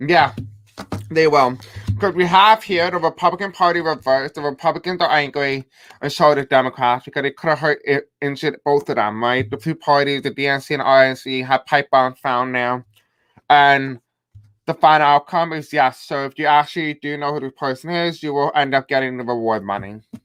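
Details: Adult male with self-described deaf accent, who says he may have a hard time pronouncing certain words, live-streaming; deaf speech.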